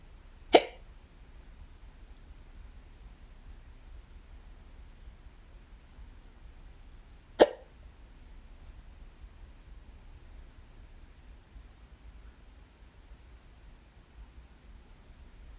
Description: i had the hiccups a few days ago while i was home by myself. i actually got them more than once that day, this is from the first case.